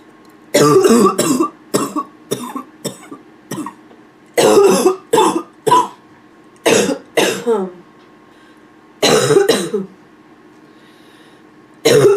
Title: Hoarse barking cough